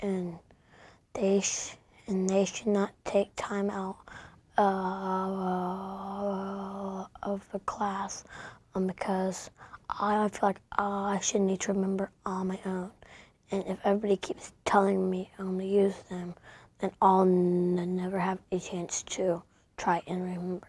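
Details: Child who stutters, with word and phrase repetitions; he has been taught speech tools; stuttering.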